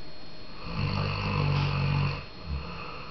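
A rough, low, fluttering snore on one breath, then a quieter exhale.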